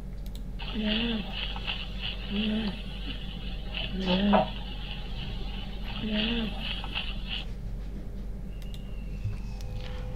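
Short creaking, grating sounds recur in rhythm with breathing over a steady hum, fitting a pleural friction rub.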